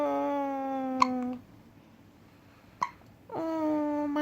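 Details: 3-week-old baby girl with hiccups that recur every time she drinks milk: sustained vocal sounds interrupted by sharp hiccups about two seconds apart; ordinary infant hiccups.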